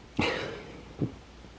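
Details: Reverse sneezing.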